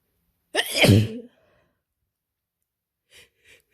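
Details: Person with a cold, very congested with a runny nose and sore throat: a single forceful sneeze followed by quiet sniffs.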